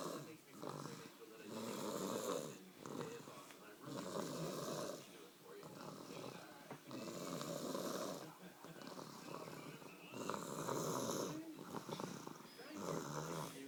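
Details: One-year-old snoring on Christmas night: continuous rough, rattling snoring in quick repeated cycles, with brief breaks between breaths.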